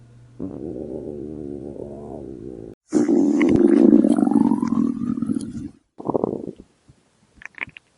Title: Ultimate Stomach Growling Sound Compilation | Addictive Stomach Rumbling & Grumbling Effects